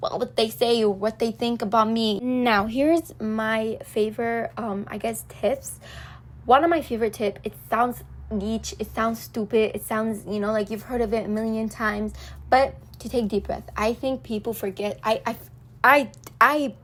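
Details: Woman, Arabic native speaker speaking English, with self-reported frequent stuttering and social anxiety, nervous while recording (stuttering).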